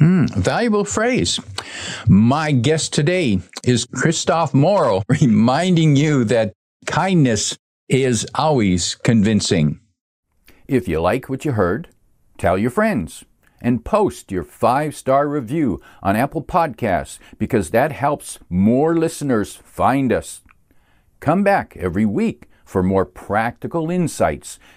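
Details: Adult male speaker; Normal fluent speech.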